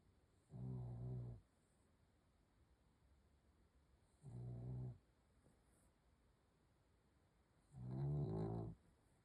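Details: Sleeping dog snoring at night: three slow, rumbling snores about 3.5 seconds apart, roughly 16 a minute, in a quiet room; ordinary snoring.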